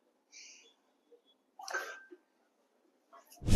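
A single sharp, explosive burst of air through the nose and mouth in a quiet room: a sneeze.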